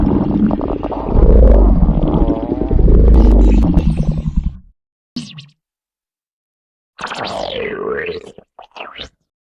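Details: Stomach growling (borborygmi): a long low rumbling gurgle, a brief pause, then higher wavering squeaky gurgles.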